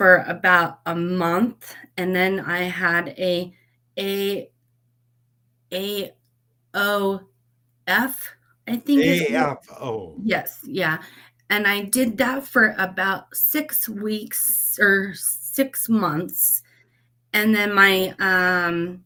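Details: Adult woman who had a stroke at age 38, with word-finding difficulty; the host refers to her aphasia, though she also says she does not have aphasia; she practices daily and writes down words she cannot get out; aphasia with word-finding difficulty.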